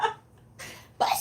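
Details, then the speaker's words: A few quick, sharp, hissing bursts from a pet cat, small cat sneezes; owner mentions allergies locally. "Oh, my kitty just sneezed. Did y'all hear that?"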